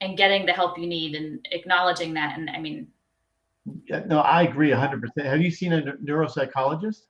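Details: Adult conversational speech; normal speech.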